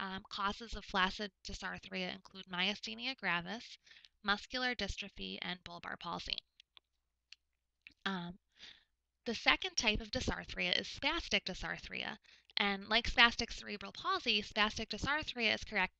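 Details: Adult lecturer; typical speech.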